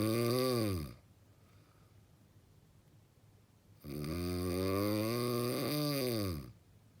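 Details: Two very loud, long, groaning snores with a throaty buzzing tone that rises and falls, separated by a quiet gap: extremely heavy snoring.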